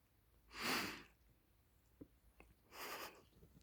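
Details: Maine Coon cat with snotty nose: two soft, wet, hissing sneeze bursts a couple of seconds apart with small clicks between; sneezing that expelled a huge snot ball.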